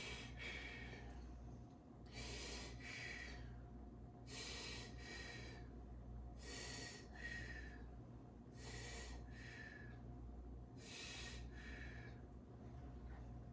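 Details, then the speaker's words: Male patient in a student nurse practitioner's head-to-toe exam, asked to take deep breaths during lung auscultation at the apex above the clavicle: about six slow deep breaths with hissing airflow over thirteen seconds. "we're listening to bronchial and vascular breast sounds take deep breaths"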